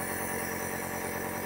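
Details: Steady, loud motor hum and buzz of a BPL compressor nebulizer running with a mask, shown for nebulizing a child.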